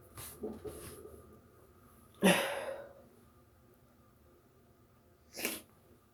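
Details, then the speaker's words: Pepper-induced sneezing after sniffing black pepper: a few soft breaths, then a loud burst sneeze followed by a smaller second sneeze, against faint room noise. "Ready? I'm gonna sneeze."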